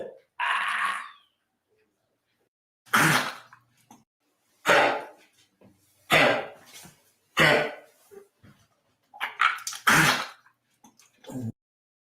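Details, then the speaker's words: A dog's repeated harsh, dry, honking coughs in short bouts with gagging. It is described as kennel cough (Bordetella bronchiseptica), not vomiting. Finding: kennel cough. "that's not vomiting that's kennel cough and kennel cough sounds just like that"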